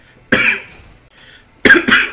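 Three sharp, explosive cough bursts from an adult, one and then a close pair, in a quiet room; a plain cough.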